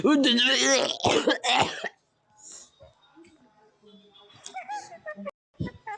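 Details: Loud, strained, voiced cough bursts followed by quieter throat noises and faint talk over a phone-quality line in a voice-chat app: cough.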